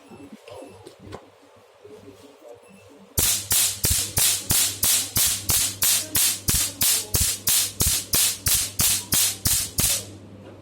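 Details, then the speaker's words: Rapid, regular sharp snapping pulses, about three per second, from a pico laser handpiece fired by foot pedal at higher power, small spot size 4, test-firing, with adjustable energy and frequency 1–10. "Use the foot pedal to operate the handle. And we can adjust the energy."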